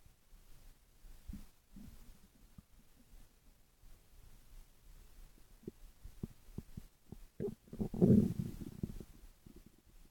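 Soft low gurgles and bubbling pops building to a louder rumbling growl; normal stomach growling.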